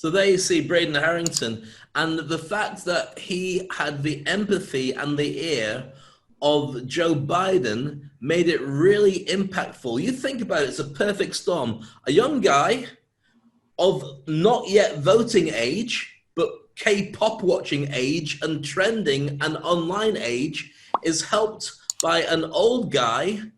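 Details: Adult male speaker; ordinary fluent speech.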